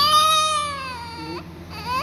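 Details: Newborn about 15 minutes old gives a high, strained wail that falls in pitch and then rises into a fresh cry; vigorous newborn cry.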